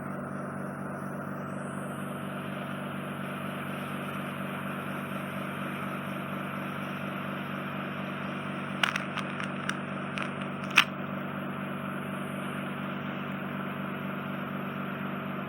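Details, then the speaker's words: Ear microsuction of soft, wet wax in a woman's ear canal. The wax coats an inflamed, heavily scarred (tympanosclerotic) eardrum and is wet from drops. Steady suction hiss, then brief crackling pops as wax is drawn up. "We've just got some on the base of the ear canal, so I'll get that out for you."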